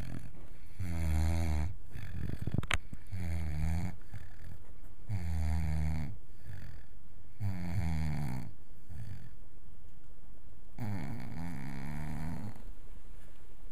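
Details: 5-month-old wire-haired vizsla puppy snoring: regular, deep, rumbling snores on each breath in, about 27 a minute, with one longer pause.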